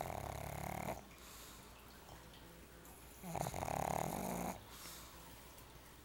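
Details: Pug snoring in sleep: loud, rough snores, two long snores separated by a quieter pause.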